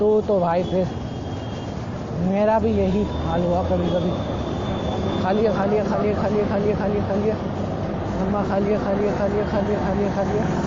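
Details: Male Hindi speaker doing daily speaking practice for his own stuttering (stammering); stuttering.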